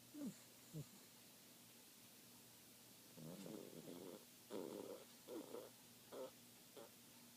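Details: Papillon snoring in sleep, said to be much worse before filming: soft, rough, rumbling breath sounds in short bursts over steady room hum.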